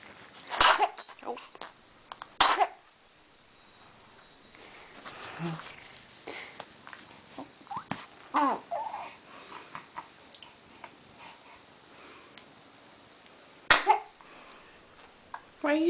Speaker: are you so sneezy? Why are you so sneezy?